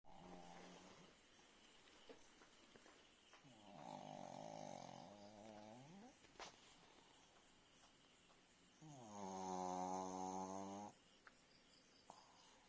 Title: BIGGI THE PUG part-7 Snoring by BIGGI